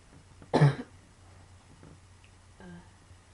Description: i am coughing like crazy!! i have sarciodosis in my lungs which makes me cough like this...ugh